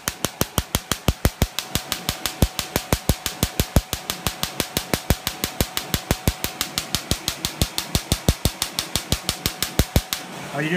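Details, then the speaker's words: Erbium laser removing a facial mole layer by layer under anesthesia, as part of a hybrid laser mole treatment: rapid, regular sharp snapping pulses, about 90 a minute for ten seconds. "okay so here's the mall and you see me take it down layer by layer"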